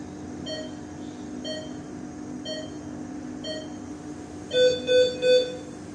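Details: Sound-effect recording of an ICU patient monitor: steady beeps about once a second, then three louder alarm tones, over low room hum.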